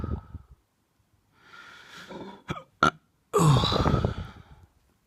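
Soft gulping sounds and a sharp catch, followed by one long, low, rumbling belch: burping.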